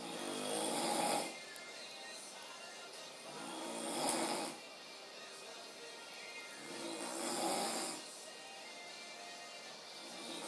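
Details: A sleeping male roommate snores in three rough, rattling snores, about 18 a minute, each lasting about a second with quiet between them, over faint background music.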